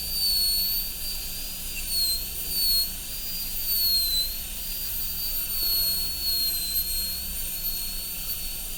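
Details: High-speed dental handpiece extending gingivally on both sides of an MOD amalgam preparation on tooth 29 of an Acadental typodont: a continuous high-pitched whine wavering slightly in pitch as it cuts.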